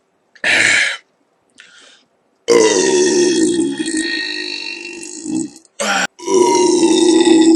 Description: Just doing a burp compilation 2 for christmas hope you enjoy it.